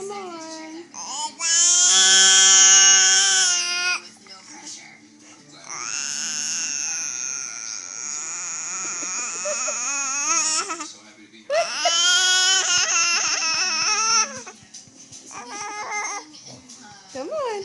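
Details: Baby boy lying on his mother's lap indoors while being burped and falling asleep: loud, sustained, strained bursts between a growl and a fussy cry, with quiet pauses; infant growling/fussy vocalization.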